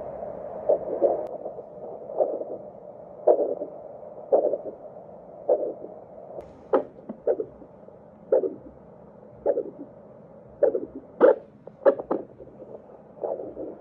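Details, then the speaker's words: Handheld vascular Doppler over the facial arteries of the examiner's daughter (labial, facial, infraorbital, supraorbital, supratrochlear): regular rhythmic whooshing pulses at about 60 a minute, normal pulsatile arterial flow. "what i'm going to show you is how i used it on my daughter to check some of the major vessels of the face i was able to doppler the superior inferior labial arteries the facial artery the infraorbital artery and the supraorbital artery as well as a superficial trochlear artery"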